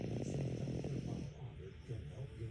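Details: Dog sleeping peacefully: low, fluttering rumble that fades and returns; snoring.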